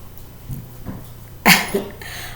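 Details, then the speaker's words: Dog coughing in the background. Cough. "my dog is cough if you hear that in the background that's coughing"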